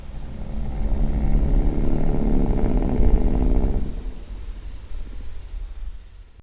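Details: Person snoring very loudly: a loud, low, fluttering rumble through one long breath, then a softer rumble: heavy snoring.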